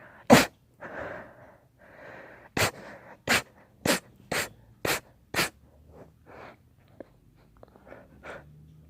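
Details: Louder sneezing: a fit of about eight sharp, explosive sneezes, mostly in quick succession, with snuffly breaths between them.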